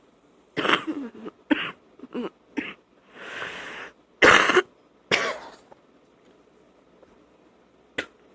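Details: Night-time wet cough on waking: several loose, rattling cough bursts with throat clearing and hawking, spitting up; productive wet cough.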